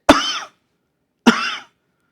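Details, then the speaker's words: Imitated cough-variant asthma cough: two short, dry, separate coughs from the chest, showing the single-bout cough of this asthma type. "if suppose if you have a cough variant asthma it may come once in your way you just may have a single about a cough. See you have to imagine that you're coughing from the chest."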